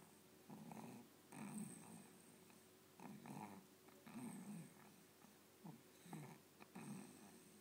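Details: Sick baby sleeping: soft, rumbling snores in an irregular sleep-breathing rhythm, about 23 a minute, with a faint steady hum in the room; snoring.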